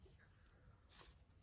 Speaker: another sneeze you don't want to hear that you really don't i am so over allergies so so over it